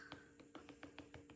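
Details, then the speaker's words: Nursing head-to-toe assessment demonstration: percussion over the spleen, left side near the sixth intercostal space, during deep breath; seven soft evenly spaced taps with hollow tympanic notes, normal splenic tympany. "you should hear timpani um as part of this process we want to make sure we also percuss the we also for custody spleen which is going to be on the left side uh closer to the sixth intercostal space"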